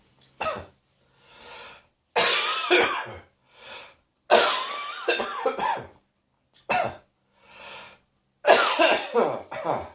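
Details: Spring cold: repeated harsh, throaty cough bursts in clusters with quieter breaths between, cough moving deeper into the throat, expected to reach the chest within days.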